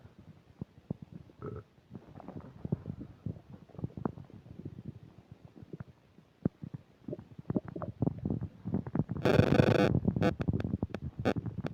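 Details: Upset digestion while eating a burger and fish fries, recorded with a microphone: rapid gurgling, popping and rumbling from the abdomen, growing louder toward the end with bursts of mic static; very active, loud bowel sounds (borborygmi).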